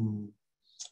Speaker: Myotonic dischargers are seen in myopathic diseases on myotonia. They sound like a dive bomber, believe it or not.